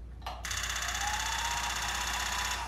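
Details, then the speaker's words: Radial shockwave therapy on chronically tight trapezius muscles, set to a very high-frequency, low-depth setting for pain control: a steady, fast buzzing rattle from the applicator with pulses too rapid to count. "let's say he had a lot of pain we'd send up very high frequency you're gonna hear some noise"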